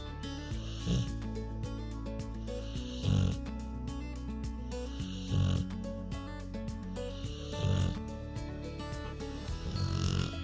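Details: A Rottweiler relaxing on a couch snores continuously, recorded in real time: low snorting snores about every two seconds, heard under background music.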